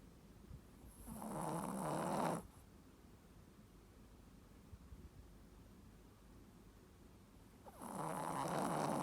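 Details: Female Shih Tzu dog snoring during sleep in a surprisingly low voice: two long, rough, rattling breaths about six seconds apart.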